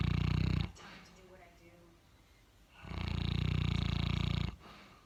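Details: Boerboel (mastiff) dog snoring during a relaxing afternoon nap: two long, deep, rattling snores on the in-breath, separated by a quieter out-breath; loud snoring from a large dog.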